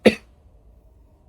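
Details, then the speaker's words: An adult with a mild cold gives a single short, sharp cough, followed by quiet room noise. "sorry I am a little sick with a bit of a cold right now so I don't know if you can hear that besides me having to cough from time to time"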